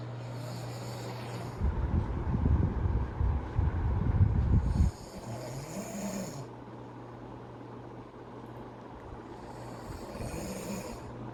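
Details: Husband snoring while asleep in the early morning: a loud, deep, rattling snore of about three seconds, then quieter breathing and faint nasal sounds over a steady room hum.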